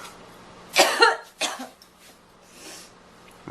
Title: Girl Coughing 14